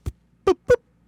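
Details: Adult man with late-onset Tourette's syndrome; vocal tic.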